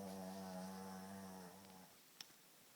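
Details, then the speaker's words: Sleeping flat-nosed Shih Tzu that snorts and snores at night: a drawn-out, low, buzzing rumble on the breath that fades into quiet; dog snoring. "bark clay I can't stand the noise it's just too noisy barlay barlay can you wake up and stop snoring please it's just too much to listen to"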